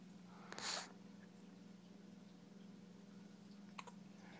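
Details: Hiccups in a 3-week-old newborn: two brief, soft catching sounds about three seconds apart.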